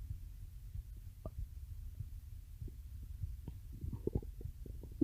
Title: stomach growling (request for @DeadlyCrowPhantomGhostsX2K975 )